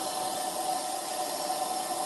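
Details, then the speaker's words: CPAP machine noise recorded in a hospital: a steady, even airflow hiss with a faint hum, the continuous running noise of a CPAP machine. "and so this is the sound of a cpap machine which is an everything"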